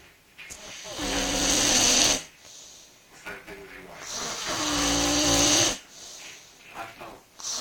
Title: I don't snore